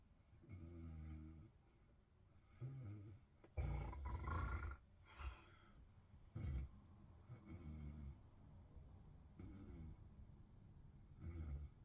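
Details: A person snoring in bed: irregular, low rumbling snores with some louder snorting bursts and quiet gaps between.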